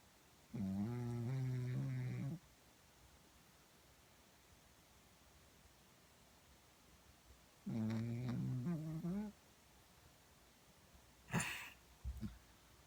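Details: Sleeping dog snoring, recorded on a phone with background noise: two long, droning, buzzy breaths ending in a short snort, over quiet room hiss.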